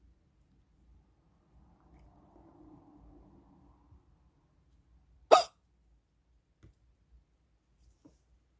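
A quiet room with a single sharp hiccup and a few faint clicks after it.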